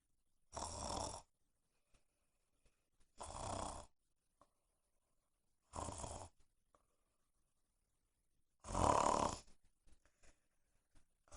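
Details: Young woman snoring: four loud, harsh, rattling breaths a few seconds apart in a quiet room.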